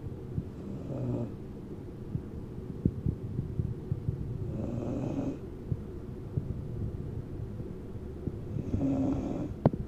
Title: Mudge snoring